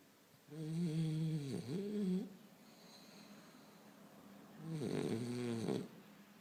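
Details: A French bulldog snoring in sleep: two loud, buzzing, tonal snores on in-breaths with quiet pauses between, typical of a short-nosed dog.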